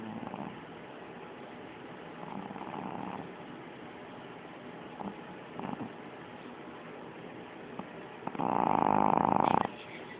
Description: My puppy was takin her mid day nap and snoring really loud